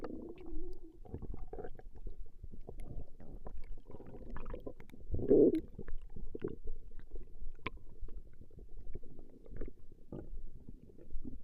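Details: Recording of a woman's stomach growling: continuous low rumbling and gurgling with bubbly pops, a normal bowel sound; borborygmi.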